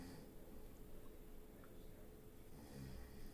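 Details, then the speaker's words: Low, rumbling, faint continuous background snoring from a sleeping adult in a quiet room while someone does crafts. "mean there's no way you guys can't hear the snoring sorry it's the world i live in"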